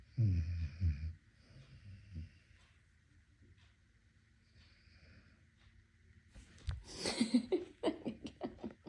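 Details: Amstaff (American Staffordshire Terrier) puppy snoring in sleep: low, rattling snore bursts, then quieter breathing and snuffling snorts, faint room sounds.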